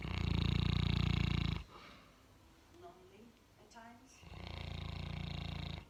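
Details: Boerboel (large mastiff-type dog) napping in the afternoon: loud, deep, fluttering snores with quiet room sounds and faint squeaks between breaths; snoring.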